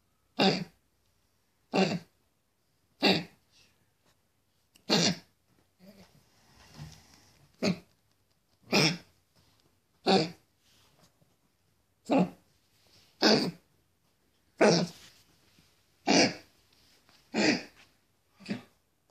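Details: A dog with newly diagnosed congestive heart failure gives about fourteen short, harsh, dry coughs in repeated bursts; a cardiac cough at the onset of coughing.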